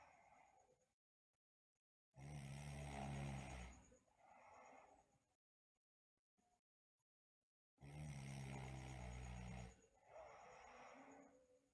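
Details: Sleeping girl snoring, with bruxism also noted: two loud rattling snores on inhaling, each followed by a softer breath out, separated by quiet pauses.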